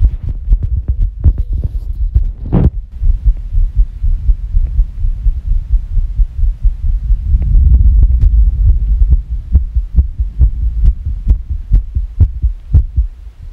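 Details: Fast irregular heartbeat: fast, low heart thumps, uneven in spacing, around 130 a minute, labelled sick.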